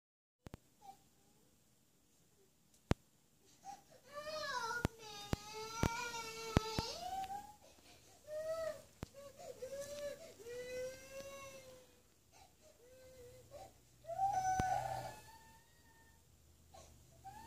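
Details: A young child cries in sobbing, wailing bursts with pauses between them, in a small, quiet room, described as self-pity crying; crying.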